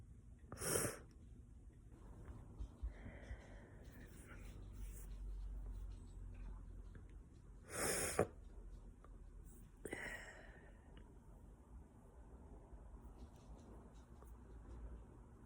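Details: Three sharp sneezes at home on the fall equinox, each a sudden hissing burst, separated by quiet breathing; sneezing.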